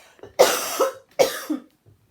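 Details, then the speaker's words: Woman with a cold and asthma that combine into a persistent bad cough: two harsh, forceful coughs in quick succession. "I have a bit of a cold and I also have asthma and it tends to combine in a really bad cough that doesn't go away very much"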